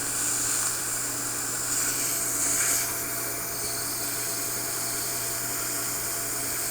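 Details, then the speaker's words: Erbium YAG hard-tissue dental laser removing e.max veneers, worked interproximally on a lateral incisor veneer over a 30-second timer: steady hiss and hum with faint crackling bursts. "will try to get the laser energy in approximately as much as we can can I have it set for 30 seconds let's do a second one"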